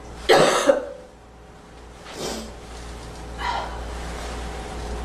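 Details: Girl coughing on purpose: a sharp double cough, then two softer coughs or throat clears.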